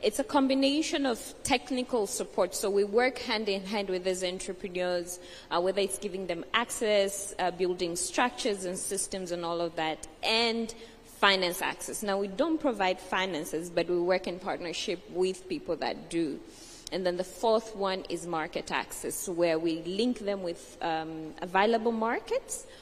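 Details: Adult woman speaking; Normal voice.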